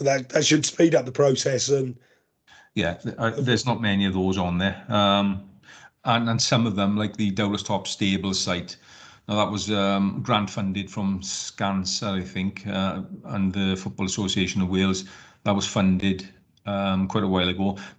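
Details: Adult man speaking; normal voice.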